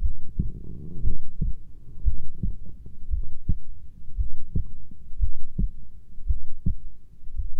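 Steady low thumping heartbeat at about 60 beats a minute, with soft muffled background hum.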